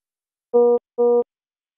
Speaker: low priority alarms usually indicate a device problem or error condition such as this spo2 non-pulsatile message and they appear in this cyan background and sound like this or this